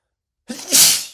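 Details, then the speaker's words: A single sneeze, brief intake then loud explosive hissing burst, triggered by deliberately using lots of black pepper while cooking; person says pepper and spices make them sneeze repeatedly. "And I know it sounds silly and a bit cartoonish, but oh my god, pepper makes me sneeze so much, so much."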